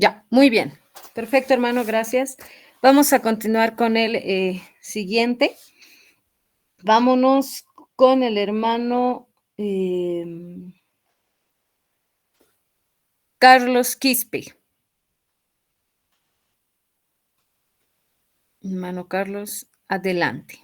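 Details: Adult speaker; normal voice.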